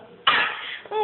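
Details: 8-month-old boy at the doctor's, imitating his father's cough on request: a single short, breathy cough then a brief voiced sound; voluntary (fake) cough.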